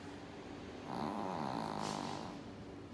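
A single rough, rattling snore on a breath, with a soft whistling edge; ordinary snoring.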